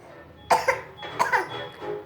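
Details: A young child learning letters gives two short, sharp coughs in quick succession and then wants a drink, with faint music behind.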